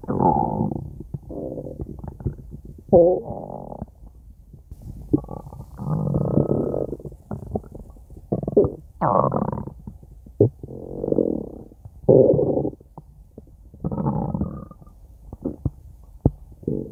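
Repeated low gurgling rumbles with pauses between them: ordinary stomach growling from gas and fluid moving through the gut.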